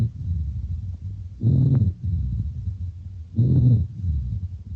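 Low, snore-like rumbling sounds rise with each breath, about 30 breaths a minute, over faint background noise. These are rhonchi, coarse sounds from narrowing of the larger airways by secretions, typical of chronic bronchitis; they may change or clear after coughing.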